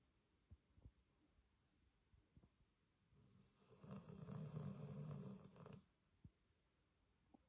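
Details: Rescue dog snoring: a single loud, rattling snore lasting about two seconds, with faint quiet breathing around it in a still room.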